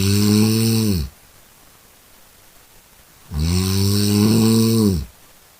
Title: Today I Don't Feel like doing anything...... #cute #cat #snoring #funny #funnycats